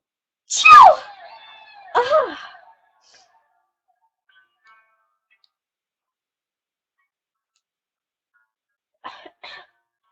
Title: Sneeze Vid #1 | stifled fit